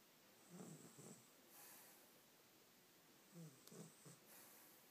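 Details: Child aged 2¾ years snoring in sleep: two soft, low fluttering snorts on breathing in, quiet and brief; light snoring.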